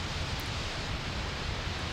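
Steady, even hiss with a soft low rumble, a simulation of the auditory nerve's normal spontaneous activity, which usually goes unnoticed.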